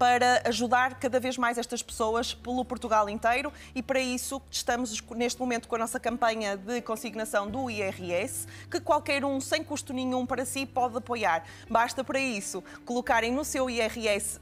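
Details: Adult woman; typical speech.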